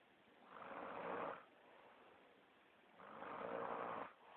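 Two long, rough, rattling breaths about three seconds apart with quieter exhales between; typical snoring.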